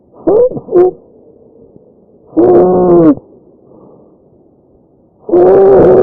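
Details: Loud, harsh musical tones with breaths, about 20 a minute; tracheal stridor from a narrowed upper airway.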